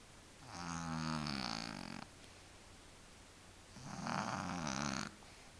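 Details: Cat in deep sleep: two long, loud, rattling snores about three seconds apart; snoring.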